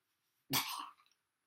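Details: A single sharp, dry cough burst with a brief throaty tail, an irritant-type cough in a very dusty room under renovation.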